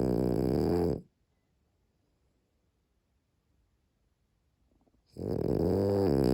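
Loud, buzzing snores from a sleeping dog, separated by a silent pause of about four seconds: ordinary snoring.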